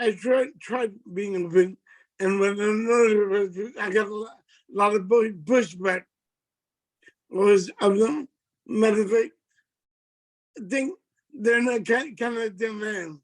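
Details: Adult man with multiple system atrophy that has affected his speech and gait; dysarthria.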